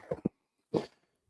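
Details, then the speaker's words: Single adult male sneeze at the start of a live podcast: two quick voiced catches, then a sharp, hissy burst. "Excuse me. Oof. Great way to start the show with a fucking sneeze."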